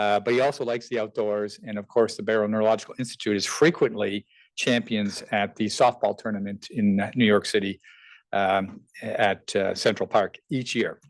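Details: Adult male speaker; Normal voice.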